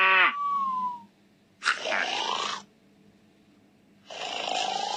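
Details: Simulated cartoon game sound of a snoring elephant: a trumpeting call, then two long, rough, rasping exaggerated snores.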